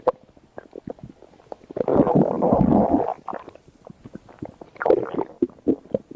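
Gurgling, bubbling stomach sounds with one long rolling rumble: ordinary bowel sounds from digestion.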